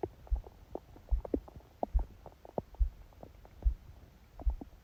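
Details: Bowel sounds recorded from own abdomen during sleep, phone held on belly under a book; pressure made a loud, unexpectedly fast heartbeat audible (~70/min thumps) with scattered gurgles and squeaks of stomach growling; ordinary bowel sounds.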